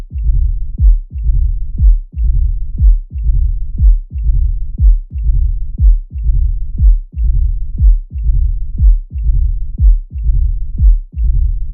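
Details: Mitral stenosis, narrowed mitral valve: regular heart sounds at about 60 a minute, each sharp sound (opening snap) followed by a long, low mid-diastolic rumble.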